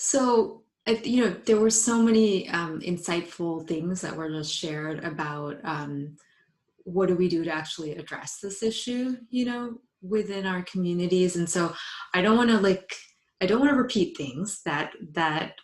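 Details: Woman, a psychologist, who identifies herself as a person who stutters, speaking spontaneously in English on a live panel. Stuttering.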